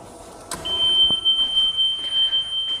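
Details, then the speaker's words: Anaesthesia workstation with closed circuit connected, power supply deliberately cut to demonstrate simulated power loss during surgery: after a click, a steady high-pitched continuous power failure alarm. "Suppose मानो कि पूरे system का power supply चला गया है, तो उस situation में क्या करना है, घबराना नहीं है। मान के चलो सर्जरी चल रही है, पावर सप्लाई चली गई है, मैं लाइव दिखा देता हूँ।"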